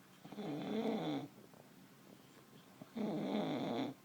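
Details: Man snoring loudly enough to wake someone again: two long, loud, rattling snores on inhalation, separated by a quiet exhale.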